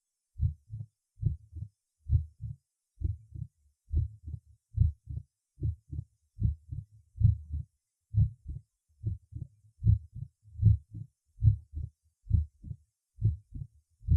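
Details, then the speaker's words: Apex in patients with organic mitral stenosis: low heart sounds in triple rhythm about 70/min, opening snap right after second sound at start of diastole; mitral opening snap. "кто на открытие митрального клапана выслушивается на верхушке у больных с органическим митральным стенозом возникающие в самом начале диастолы сразу после второго тона"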